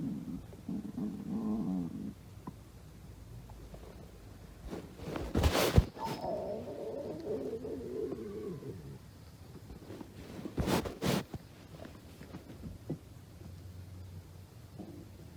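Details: Stomach growling: low gurgling and rumbling with a drawn-out squeaky gurgle and a few thumps, a normal gut sound.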